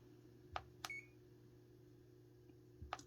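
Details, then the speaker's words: Short sharp keypad beeps and clicks as buttons are pressed on a CADD PCA infusion pump being programmed for morphine, setting cassette residual volume to 170, over quiet room hum. "Donc on sélectionne, on se réfère pareil à la feuille de calcul et on voit que le volume résiduel obtenu dans la cassette est dans ce cas de figure 170. On monte jusqu'à 170."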